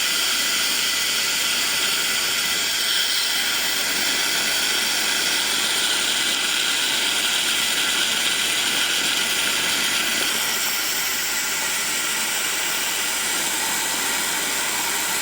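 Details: Dental drill during implant surgery in which 3 implants were placed: steady high-pitched grinding whine with rapid ratchet-like pulsing.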